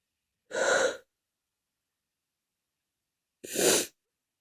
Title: Back with a lot of sneezes. Read description.